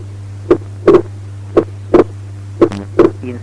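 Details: Right bundle branch block: heart sounds about 57 a minute with wide splitting of S2 that varies with respiration.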